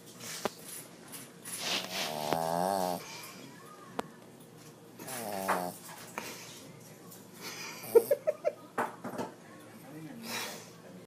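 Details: Irregular, noisy snoring with rattling and whistling sounds and small squeaks from a sleeping animal over room noise.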